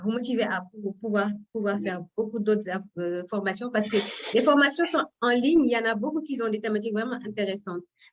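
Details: Adult woman speaking French; normal voice.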